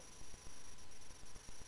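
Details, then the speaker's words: Nursing-student demonstration with a stethoscope at the left sternal border, second intercostal space (pulmonic area): regular soft lub-dub heart sounds about 60 a minute, a normal single S2 from pulmonic valve closure. "are hearing the sound of the pulmonic valve closing the blood has been pumped out of the right ventricle to the lungs we normally will hear one sound s2"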